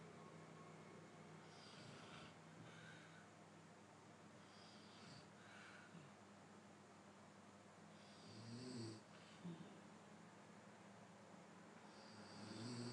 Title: snoring sound with no special effect 3mns